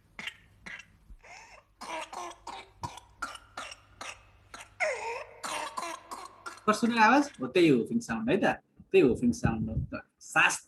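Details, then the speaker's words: Child with whooping cough (pertussis) paroxysm: a rapid string of short coughing bursts, then high, strained, pitched sounds while gasping for air between breaths. "and then grasping for air yeah okay that doesn't sound like any fun"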